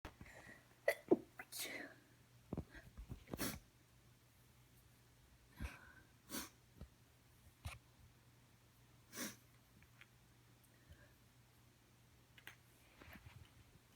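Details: Stifled morning allergy sneezes recorded right after waking: a run of short, muffled sneezes and sharp breaths, held back to avoid waking a partner, before moving to the couch when they could not all be held in.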